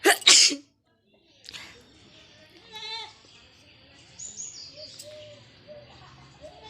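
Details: Sneezing-challenge recording: a single sharp, hissing sneeze burst, then quiet room sounds and faint background tones; sneeze.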